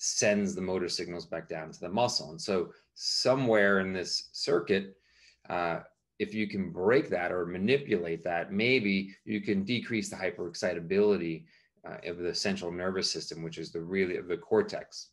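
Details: Adult male speaker; normal speech.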